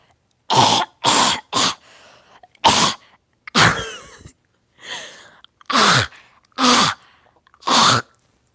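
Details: Person has a coughing fit for 30 seconds straight: repeated harsh cough bursts in quick clusters with gasping breaths between.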